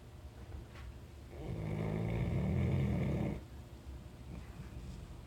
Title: Labrador retriever snoring